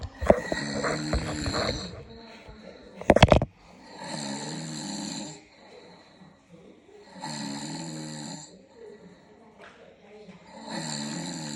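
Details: Person snoring at 2am: regular, loud, buzzing snores on each in-breath about every three seconds, with a brief clatter early on; ordinary heavy snoring.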